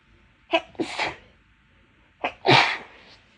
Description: A few clips of some bothersome sneezes since my nose has been bothering me the past few days, and some nose blows as well!